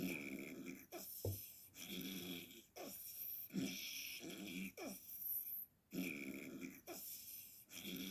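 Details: Adult's snoring, described as really bad a few nights ago.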